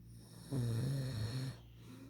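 One low, buzzing snore lasting about a second on the breath in; snoring.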